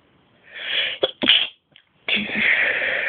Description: just me sneezing